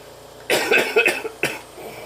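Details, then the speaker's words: Adult with cystic fibrosis who coughs constantly, with heart rate and oxygen taking about 15 minutes to recover after coughing fits: a short run of three harsh, forceful coughs; cough in cystic fibrosis. "I could be perfectly I can feel perfectly fine but if I have a coughing fit I'm done"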